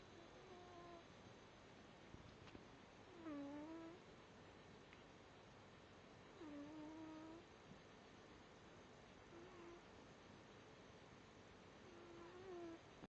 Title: my cat snoring